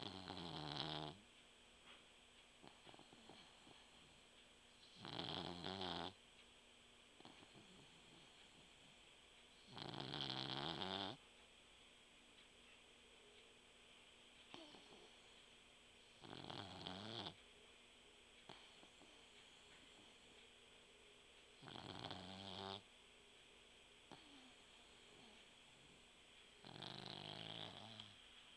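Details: Sleeping puggle (small dog) snores in loud, rattling bursts about every five seconds, roughly 12 a minute.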